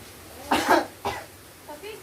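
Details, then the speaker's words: A nursing student demonstrates deep breathing and effective voluntary coughing with a male patient to help clear his airways. Two deliberate coughs, one strong and one shorter. "saya disini akan melatih nafas dalam dan batuk efektif pada bapak yang mana Tujuannya adalah untuk melancarkan pernapasan bapak-bapak"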